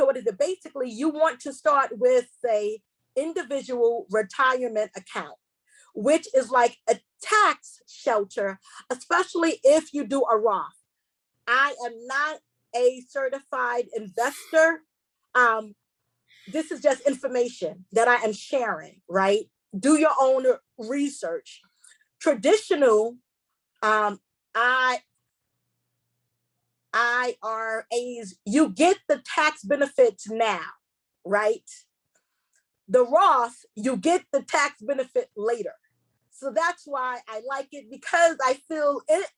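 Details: Woman who identifies herself as a stutterer, with stuttering heard while hosting a seminar; she warns listeners she will stumble across words: stuttering.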